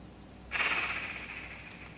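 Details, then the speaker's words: Quiet pause, then a sudden forceful, rattling, fluttering exhalation through a Shaker oscillating PEP device, blown much harder in the elimination phase after a full breath hold during an airway clearance consultation. "I want you to blow out at a reasonably fast pace so much much harder than what you're doing"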